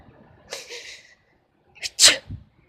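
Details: Female cat sneezing: a short breathy puff, then a quick sharp sneeze with a small after-sound, in a quiet room.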